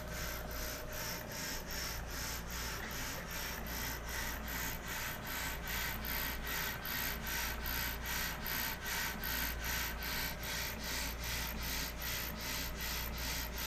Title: Suction Pump Hospital Grade